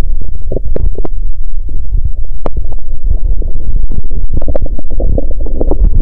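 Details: Continuous low abdominal rumbling and gurgling with scattered sharp clicks and squelches from a woman with abdominal pain on one side on day two of her period; active bowel sounds.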